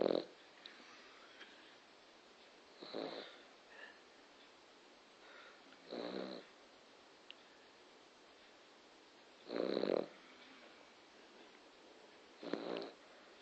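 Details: A dog, described as a loud snorer, snoring while asleep: regular rough snorting breaths every three to four seconds, about 18 a minute, in a quiet room.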